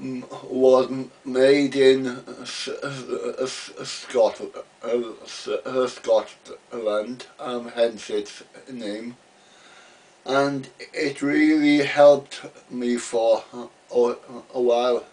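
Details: Adult man who has stammered since about age three, had speech therapy as a boy and used an Edinburgh Masker device; real stuttering.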